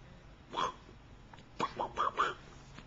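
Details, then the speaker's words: Infant boy, said to be around 13 (units unclear), with hiccups: four short, abrupt voiced catches over about three seconds in a quiet room. "hey you're pretty cute have the hiccups huh"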